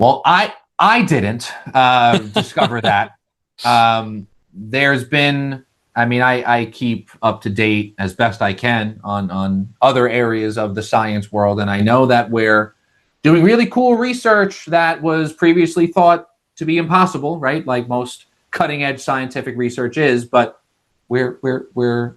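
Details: Adult man who has stuttered all his life, managed with speech techniques such as the airflow technique after speech therapy; stutter shows as vocal cord blocks; this stretch has repeated words; stuttering.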